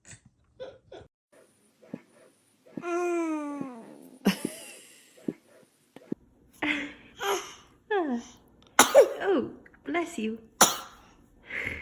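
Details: Infant sneezing repeatedly: about three sharp, explosive bursts between the infant's cooing and soft adult voices.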